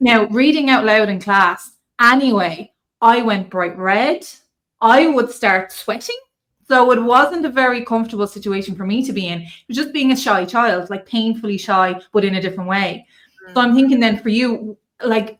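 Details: Adult woman speaking; ordinary speech.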